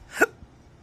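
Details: Man with chronic intractable hiccups, unresponsive to treatments, costing his surgical tech and acting careers; a single abrupt voiced hiccup with a sharp catch of breath while speaking.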